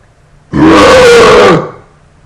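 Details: Single loud, long, rumbling belch lasting about a second, recorded on a laptop microphone with possibly poor sound quality; burping.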